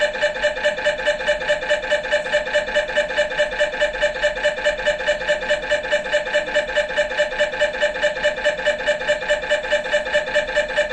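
Loud, steady, rapid buzzing knocks at about 143 a minute with a constant tone, the typical sound of an MRI scanner running an imaging sequence.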